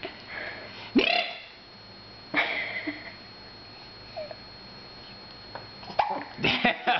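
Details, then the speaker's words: Hiccups in a 7-week-old infant, jerking the whole chest: several abrupt, sharp catches of breath a few seconds apart, with small vocal sounds in a quiet room. "I'm sorry you get some serious hicup man make your whole whole chest jerk"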